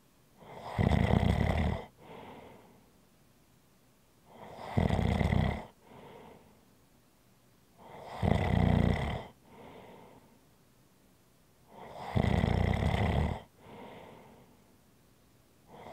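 Regular, rattling inspiratory snores with softer exhalations, about 15 breaths a minute, over faint room hiss.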